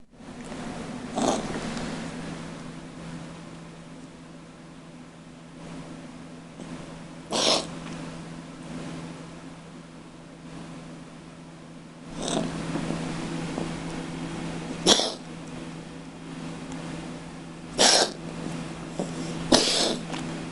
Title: Cat asthma attack cat coughing